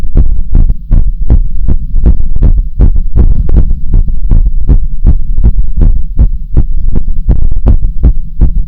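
Steady, quick, thumping heartbeat with clear beats throughout and a faint hum underneath.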